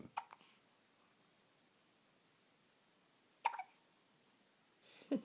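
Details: Baby hiccups: three abrupt little infant hiccup sounds spaced a few seconds apart against near silence.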